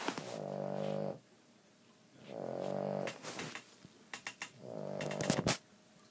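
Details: A dog that snores all night, getting louder, gives long droning, buzzy snores, each followed by short snuffling puffs on the out-breath.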